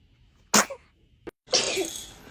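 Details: Baby sneezing during a run of repeated sneezes: a sharp explosive burst, a short catch, then a second, longer hissing sneeze.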